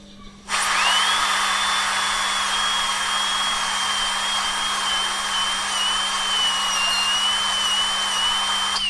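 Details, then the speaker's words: Steady high-pitched dental drill whine with faint low hum, straight fissure bur cutting a class 1 mesial cavity on maxillary premolar tooth 14, keeping away from the marginal ridge: dental handpiece drilling. "I am using a straight fissure burr, so my cavity is becoming little wider, but then wh"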